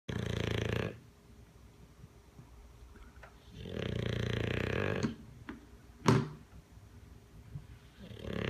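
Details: Bulldog asleep on a person, snoring: loud, rattling snores on each in-breath, about one every four seconds, with quiet pauses between.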